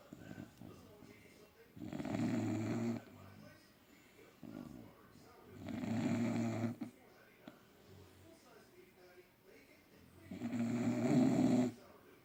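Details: Sleeping bulldogs snoring: loud, rasping snores about every four seconds, roughly 15 a minute, with quieter breathing between.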